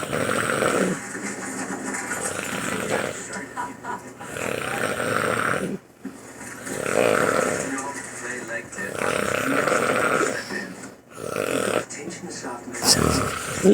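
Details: Adult husband snoring while extremely tired; harsh, rumbling snores, about five breath cycles, mixed with background noise and music.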